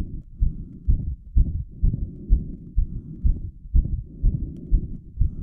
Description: I did squats until my heart rate hit 180 bpm, then recorded this video straight afterwards. My apex was punching so far out of my chest: I was surprised myself by how prominent it was. You can hear my heart murmuring away, and see my carotid pulse too.